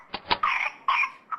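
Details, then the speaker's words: Whooping cough (pertussis) paroxysm in 21-month-old boy, filmed at home during a coughing fit with whoop, vomiting and inability to catch his breath; a nurse practitioner diagnosed pertussis from the video. "So the next time had a coughing fit, her husband got it on video. A nurse practitioner saw it and diagnosed it right away."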